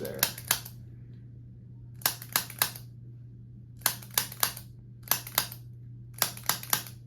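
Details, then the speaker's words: Infant held by a parent, referred by a pediatrician for neck immobility and an early misshapen head, at a first chiropractic visit: groups of two to three sharp spring-loaded clicks over low room hum; activator instrument clicks. "as you hold him I'm going to go through using the activator and just gently go through what I find"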